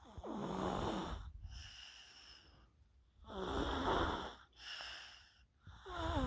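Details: Loud, rough snoring with a fluttering, whistling edge, alternating with quieter breaths out at about 20 breaths a minute, during deep sleep.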